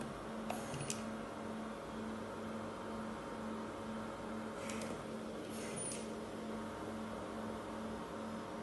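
Steady machine hum with a soft pulsing tone and occasional brief hissing clicks from an ICU ventilator.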